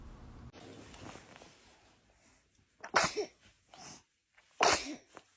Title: Funny Babies SNEEZING 😅 Compilation 2021 - SOO Cute Baby SNEEZE Moments